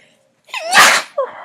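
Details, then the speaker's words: Young woman sneezing repeatedly all day; she doubts it is allergies and thinks she is getting sick. A rising voiced intake, then a single loud, explosive sneeze with a brief trailing vocal sound. "Um, and it's kind of inconvenient because I've been sneezing all day and I don't think it's allergies."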